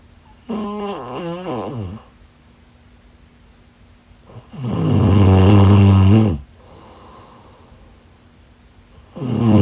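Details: Loud, rattling inspiratory snores, each one to two seconds with quiet gaps between; heavy snoring.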